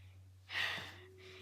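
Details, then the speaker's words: Acted comedy skit, sneeze said to be set off by a sprayed allergen and blamed on a genetic disorder: a single short, breathy, muffled gasping sneeze in a quiet room with low hum; simulated sneeze. "Daddy, why' you sneeze like that? It's nothing to worry about,"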